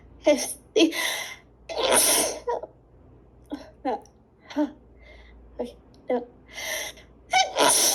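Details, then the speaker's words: Man and woman with suspected allergies, one refusing allergy medication, sneezing repeatedly in a recording. Several forceful sneezes in a row with gasping in-breaths between them. Repeated sneezing fit. "Oh my god. I got to sneeze. >> Bless you. Bless you again. >> Thank you. Oh my [snorts] god, they're so strong. I'm so sorry."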